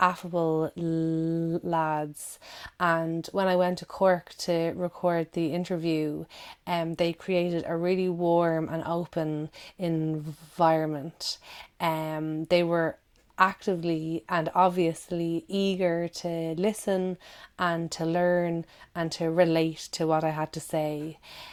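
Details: Adult woman who stammers, giving a recorded talk; stammering.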